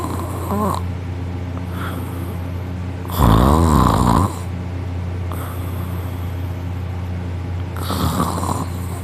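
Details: Heavy sleeper snoring loudly while their sister holds their nose, still snoring: rough snoring breaths over a low room hum, with a louder rattling snore midway.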